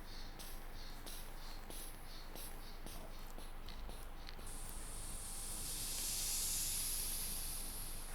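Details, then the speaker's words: A blood pressure cuff deflates with soft ticking and hiss, then a louder rush as it empties, during a simulated physical exam roleplay; the reading given is 120/80. "In that time, I'm going to check your blood pressure and listen to your heart, okay?"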